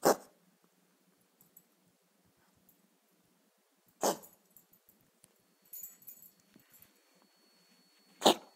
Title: Cat trying to cough up furball